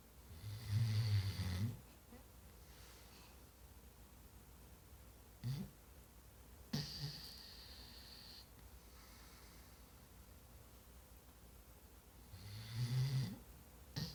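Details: Snoring: low rumbling snores in two long bursts at the start and end, with short snorts between, in a quiet room.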